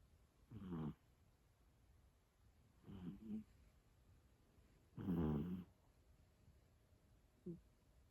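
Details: Pet cat snoring while asleep.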